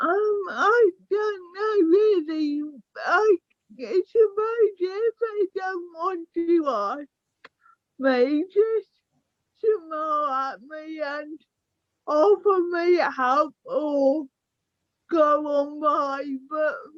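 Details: Young woman with cerebral palsy affecting her speech, walking, balance and motor skills; dysarthria (cerebral palsy).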